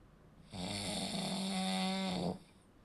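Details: One long, loud, buzzing snore on an in-breath, lasting under two seconds, with rattling throat vibration during sleep: snoring from partially blocked airflow.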